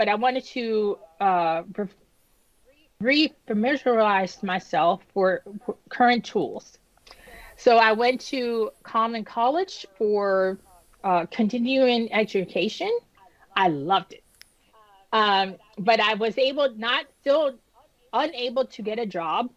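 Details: Woman who had an ischemic stroke at age 36 that damaged about a third of her brain, including the speech center. She was initially unable to speak and had post-stroke aphasia and apraxia of speech. Almost 10 years later her speech is still improving, with repetitions and word-finding pauses.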